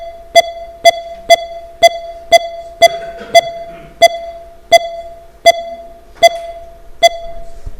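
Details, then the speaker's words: Monitor beeps speeding up on inspiration and slowing on expiration, about 120 to 75 a minute, in a male volunteer during a live demonstration; profound respiratory sinus arrhythmia, a normal sign of good health. "has very profound respiratory sinus arrhythmia naturally-occurring arrhythmia it's a sign of good health it's classically seen in the young and the fit"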